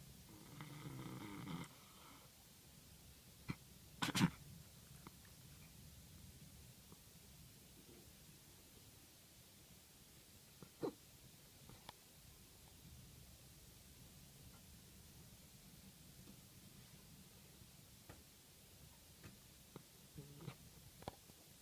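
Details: 8-month-old male Maine Coon kitten, the night before castration: a few short, sharp, hiccup-like sneezes over a low hum, thought to be hiccups but later diagnosed by a vet as sneezing from cat flu.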